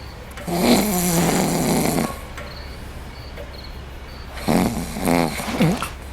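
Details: Simulated snoring acted for a film scene of a couple in bed: loud, rough, rattling snores in long bursts with quieter breathing between.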